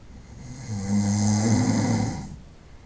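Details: Snoring at night during sleep: a single low, rattling snore on an in-breath, rising and fading over about two seconds; snoring.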